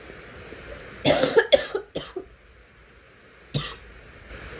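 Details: Burst of several quick dry coughs, then a single cough after a pause; deliberate, acted coughing by a girl.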